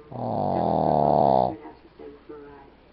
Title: ZhuZhus insanely loud snore